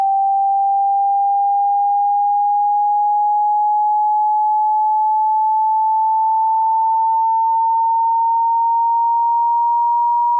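Pure steady tone slowly rising in pitch over ten seconds, a generated hearing test sweep.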